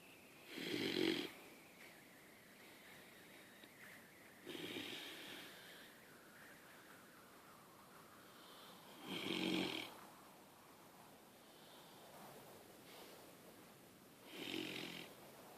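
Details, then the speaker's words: 4-month-old pit bull puppy, sleeping, snoring with snorting, whistle-edged snores, about four breaths over fifteen seconds with quiet room noise between. "That's you snoring. Keep it down."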